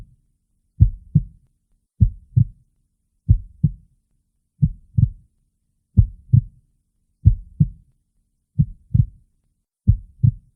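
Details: Heartbeat recording, recommended for headphone listening: steady, paired lub-dub heart sounds at a slow rate of about 46 beats a minute.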